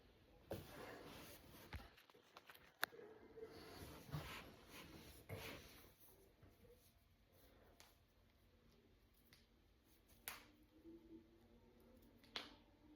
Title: Cracking my fingers and knuckles. #cracking #crackingasmr #knucklecracking #jointcracking